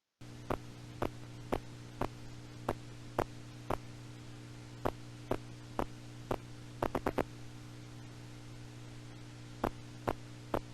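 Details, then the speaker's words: Needle EMG in a patient not voluntarily firing: over a steady hum, sharp pops recur spontaneously in short irregular volleys, like soldiers marching out of step. Myokymic discharges. "So these are the marching soldiers' myokimic discharges. And you know, when you're not the one moving the needle, you can tell that this is spontaneous and not coming from you moving the needle."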